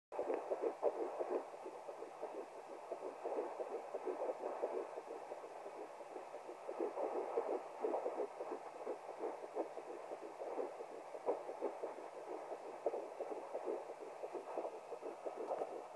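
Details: Fetal heartbeat at 10 weeks 3 days of pregnancy heard with a Doppler: rapid whooshing pulses at roughly 170–180 beats a minute.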